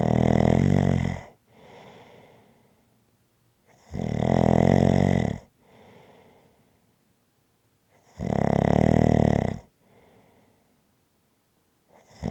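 Loud, rough, rattling snores on each in-breath, with quieter out-breaths between them, about 14 breaths a minute.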